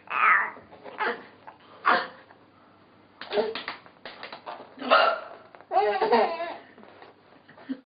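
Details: Adult woman (a mother) with hiccups: short, abrupt vocal catches at irregular intervals, mixed with laughter in a quiet room; hiccups.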